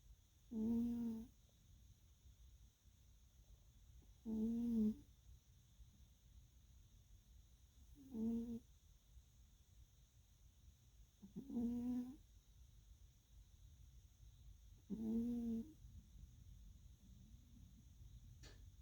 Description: Kitty snores and ear twitching